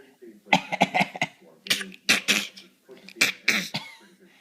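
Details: Several short, sharp coughs in quick runs, deliberately produced, in a quiet room.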